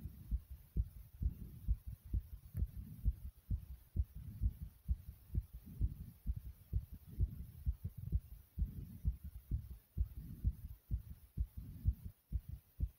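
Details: Heart beating very hard in the chest after squats: a fast, strong, regular thumping at about 130 beats a minute, a forceful heartbeat after exercise.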